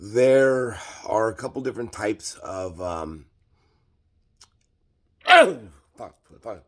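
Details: Adult man with Tourette syndrome diagnosed at age 5, tics worse in crowds, grocery stores and when hungry, milder at home; a sudden involuntary swear word breaks into his sentence, followed by an apology — coprolalia (Tourette syndrome vocal tic).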